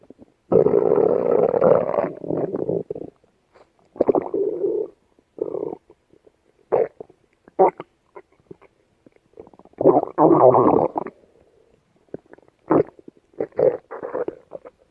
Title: Yellow Labrador Dog Gut Sound Effects